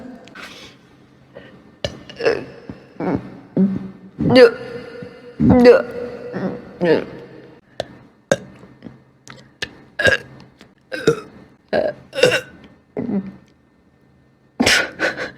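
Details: Apparently drunk person, burp compilation: roughly a dozen loud, throaty burps in quick succession, faint music behind; burping.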